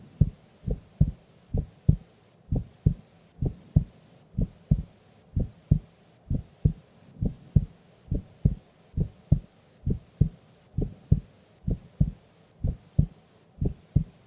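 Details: Female asleep during an afternoon nap: steady regular low double thumps at about 67 beats a minute; normal resting heart sounds.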